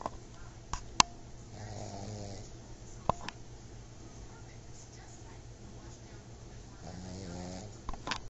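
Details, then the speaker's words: Trixie, a sleeping pug, gives two slow buzzing snores about five seconds apart in a quiet room. "we're here tonight not as a video but as an audio of what is the most precious sound"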